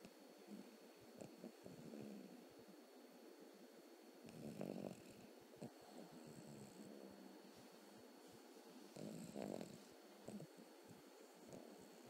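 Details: Cavalier King Charles Spaniel puppy asleep on a lap/chest: soft, irregular snuffling snores and snorts over faint room hum; heavy snoring.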